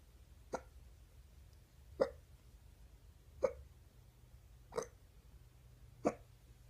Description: Another clip of my stubborn morning hiccups...